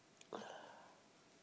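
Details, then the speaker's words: A quick intake then one short, breathy sneeze burst during a sneezing fit, after repeatedly saying the sneeze kept going away. "I need to sneeze and it keeps going away. Really annoying."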